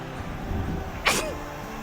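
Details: Sneezing by women in an audience, said to be brought on by cold and rain: one sharp, explosive sneeze over steady room and crowd noise.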